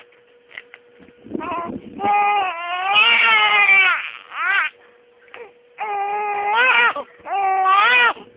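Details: Baby crying.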